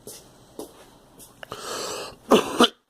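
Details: Girl coughing: a few soft throat sounds, a longer breathy exhale, then two sharp, loud coughs in quick succession; a brief cough episode.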